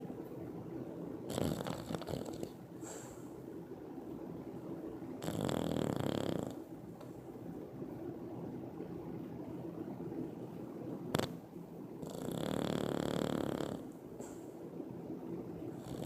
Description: Peanut the Bulldog snores very loud and then notices camera filming him.